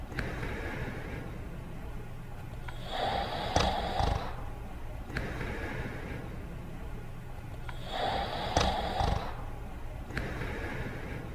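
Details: Cartoon character sleeping and snoring: slow repeated snorting inhalations and whistling exhalations, about five cycles a minute.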